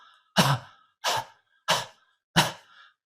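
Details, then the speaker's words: Demonstration of the controlled cough from the active cycle of breathing technique: four soft, evenly spaced coughs with an open glottis, a gentle cough rather than a hacking one, used to clear phlegm. "what is control cough chondrocov is actually a gentle cough with open glottis so it should sound like this"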